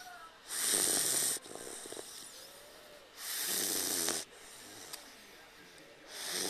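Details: Snoring in a sleeping Dogue de Bordeaux puppy napping on its owner's lap: rhythmic rasping snores with each breath, about 21 a minute.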